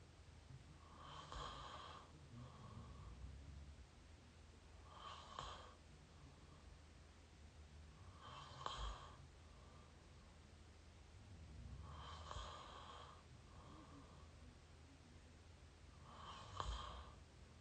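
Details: Up-close mouth snoring: rough, airy snores through an open mouth, about 16 breaths a minute, with a quieter sound between each snore.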